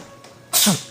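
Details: Cat sneezing once in a comedy skit: a single sharp hissing sneeze with a brief squeak at its end.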